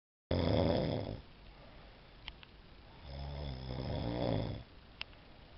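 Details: Two deep, rattling snores on breathing in, with quieter breathing between, in a quiet room; snoring.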